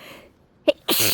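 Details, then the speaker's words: Quick intake of breath, then a loud explosive sneeze, part of a sneezing fit set off by sniffing fresh chhinkni sneezing powder; sneeze. "Okay. I can already feel them starting. Achoo! Achoo!"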